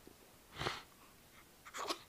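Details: Infant hiccups: two brief, abrupt breathy bursts about a second apart in a quiet room, around bottle feeding; normal, harmless finding.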